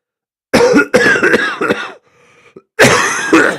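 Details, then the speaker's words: Sick adult deliberately coughs to demonstrate illness: a few harsh, throaty coughs with rough, rattling quality; they report feeling rumbling and mucus in their lungs: productive wet cough. "Did you hear like the rumbling in my lungs? I can feel it. Can you like hear it? I can feel myself like coughing up the crap in my lungs, but it's not going like it normally goes."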